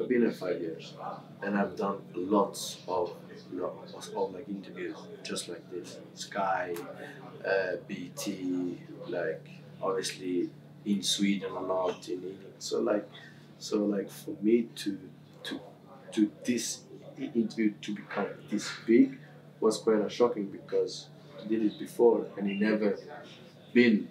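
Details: Adult male who has stammered since about age six, with severity varying from day to day; stammering.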